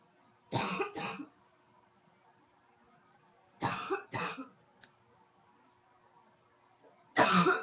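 Three pairs of harsh, loose coughs separated by quiet pauses; repeated coughing.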